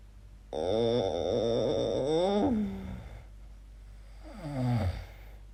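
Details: A long, wavering, voiced moan-like snore followed by a shorter falling one during sleep; the person calls these weird noises and asks whether they are snoring or sleep apnea.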